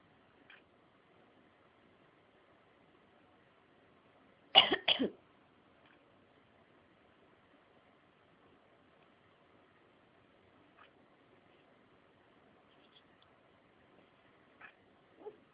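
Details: One brief, harsh double cough burst from a cat in a quiet room, with faint clicks and rustles; the owner says the cat coughs after they cough.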